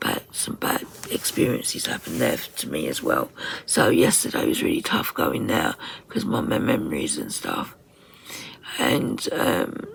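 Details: Woman with voice dysphonia from very tight, stressed muscles around the vocal cords, also affecting swallowing; voice sometimes distorted or unintelligible, sometimes unable to speak; in speech therapy; muscle tension dysphonia.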